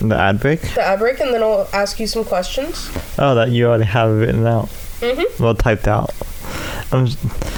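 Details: Speech impairment in an adult male with cerebral palsy affecting his right side, especially his right arm and leg, which he says also causes his speech impediment.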